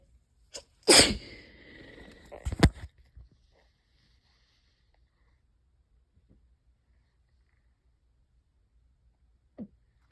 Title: really wet itchy allergy sneezes and a few coughs